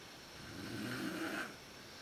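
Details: Adult woman (a mother) snoring in a dark room, worst at sleep onset, recorded with a PowerShot SX130 IS camera: one rough, vibrating snore on a single breath in.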